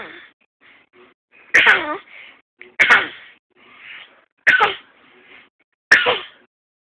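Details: Voluntary (fake) cough by a 6-month-old girl, who the parent says fakes coughing to stay awake.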